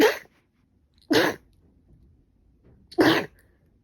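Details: Person with a cold and allergic rhinitis, runny and stuffy nose and fever for five days: three sharp, explosive sneezes about a second apart, separated by quiet.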